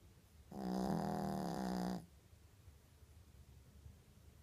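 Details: A single drawn-out, buzzing, tonal breath sound lasting about a second and a half, with quiet room noise around it; an animal's snore.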